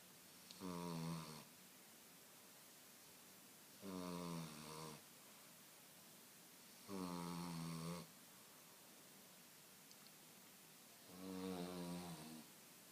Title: Pepe French Bulldog (9 months) snoring